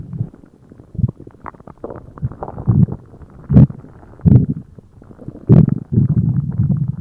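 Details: Loud low gurgling and rumbling bursts from the abdomen right after a meal; ordinary digestive bowel sounds (borborygmi).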